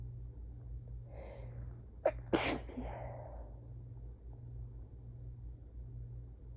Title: SUPER messy, tired, itchy sneezing fit (4/4)